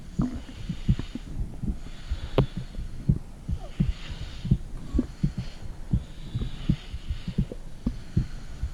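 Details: Mother's heartbeat recorded at home with a phone microphone on her stomach, possibly also checking a second heart; steady soft low thumps at about 85 per minute over a muffled hum with faint gurgles; normal heartbeat.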